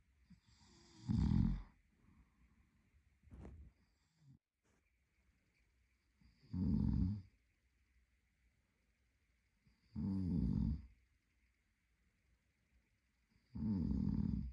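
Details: Boyfriend snoring during sleep: loud rattling snores on each inspiration about every three to four seconds, roughly 17 a minute, with quiet pauses between.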